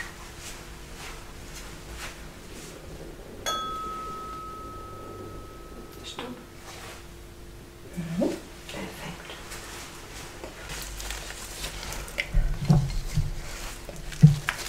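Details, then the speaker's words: Tuning fork vibration test in a simulated German general check-up roleplay: struck fork rings as a clear, steady tone fading over a few seconds, patient says stop when no longer felt or heard, then soft handling noises. "ich werde jetzt einmal drauf klopfen und wenn sie die Vibration nicht mehr wahrnehmen bzw hören dann langsam Stopp"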